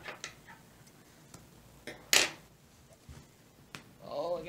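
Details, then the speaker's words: A single sharp pop from the shoulder joint stands out among soft ticks in a quiet room while cross-stitching. The person reports feeling sore. Shoulder joint popping. "did you hear that pop that was my shoulder that was my ridiculous shoulder popping"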